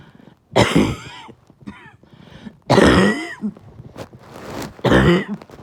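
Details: Barking cough at night: three loud, harsh, hoarse, bark-like coughs in about six seconds, with a throaty, strained edge and quiet breathing between.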